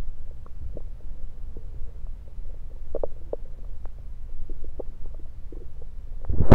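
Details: Bowel sounds heard through a stethoscope placed around the belly, recorded mainly to show stethoscope placement: low rumbling with frequent short gurgles and clicks, ending in stethoscope scraping; ordinary active bowel sounds.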